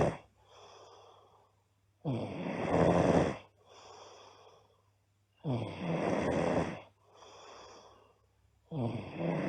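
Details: Loud, harsh snores on breathing in, about 18 breaths a minute, with softer airy out-breaths and a faint background hum, from a sleeping girl; loud snoring.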